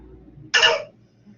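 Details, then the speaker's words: Child with croup, whose airway swelling causes a single sharp, high-pitched barking cough; croup cough. "oh yeah high pitched cough oh no it's sad it's hard on them that's creep"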